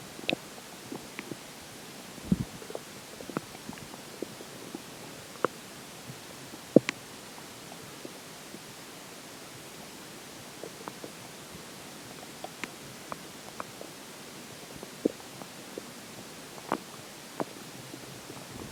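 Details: Stomach growls after drinking water: scattered brief gurgles and squeaks from the abdomen in a quiet background; bowel sounds (borborygmi).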